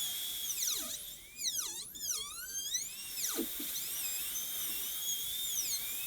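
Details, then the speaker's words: High-speed dental drill deepening the isthmus of a gold onlay preparation on tooth #18, a model tooth. The bur is aligned with the tooth's long axis. High-pitched whine rises and falls as it cuts dry, without water spray. "we're just going to drop it down a little bit it's important that you keep with the axis of the tooth here so i'm lining this bur up with the overall axis of these teeth"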